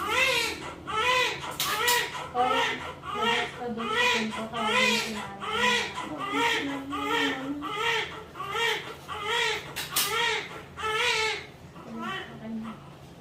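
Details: Loud, rhythmic newborn crying in short repeated wails, about 78 a minute, with faint room voices: a strong normal cry just after a normal vaginal birth.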